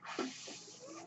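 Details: Real podcast recording in which the speaker explains that the noise heard is his own mechanical ventilator; ventilator airflow heard in the background of speech; mechanical ventilator noise.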